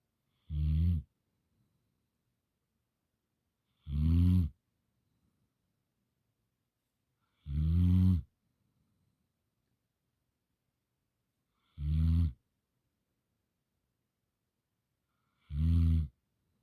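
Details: Sleeping dog snoring: five short, low, rumbling snores, evenly spaced at about 16 a minute, in a quiet room.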